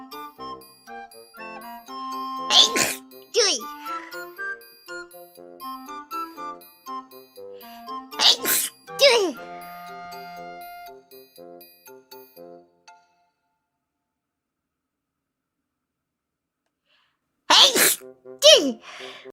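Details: VTuber streamer: three pairs of quick, high-pitched sneezes, each pair a back-to-back double sneeze, over light background music; ordinary sneezing.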